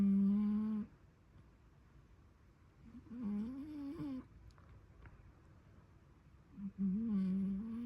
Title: Snoring cat